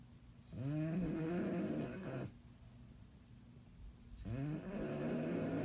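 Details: Bulldog asleep and tired after a long day, snoring: two long, low, rumbling snores with quieter breathing between; loud snoring typical of a short-nosed dog.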